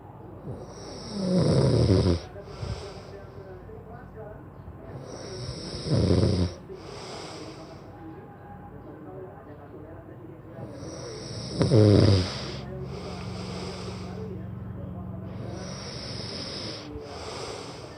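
Three loud, low, rattling snores on the breath in, about 5 seconds apart, roughly 12 breaths a minute, over a quiet room.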